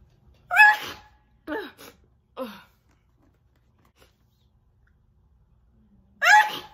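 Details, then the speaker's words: Female giving several short, clipped, squeaky sneezes with a pause, then one more; she is deliberately holding them back, so they come out muffled and odd. "okay they're coming out weird because like i'm trying to hold back so they come out where when i do"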